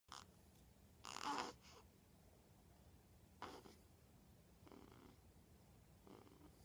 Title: Snoring with daddy